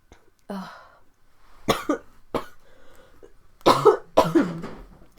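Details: Adult with a common cold on a livestream: several short, dry coughs and a throat clear in a quiet room, a cold cough.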